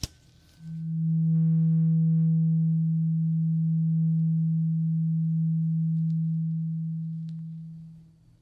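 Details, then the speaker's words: Simulated ASMR ear-exam roleplay with something suspected stuck in the ear: a single clear, low pure tone sounds and slowly fades over several seconds, a hearing test tone; hearing judged not impacted. "Good. Okay, good. Your hearing doesn't seem like it's been impacted, but we'll do another hearing test after we take whatever is out of your ear."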